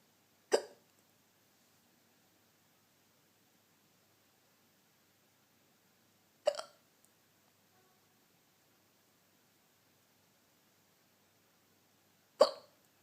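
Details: Three short, sharp hiccups about six seconds apart in a quiet, dark room while trying to sleep; hiccups.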